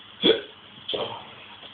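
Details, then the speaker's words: Hiccups in an adult man: a sudden sharp catch of breath with a short voiced click, then a softer second one over room noise. "right then car you've got hiccups and you need to get rid of them"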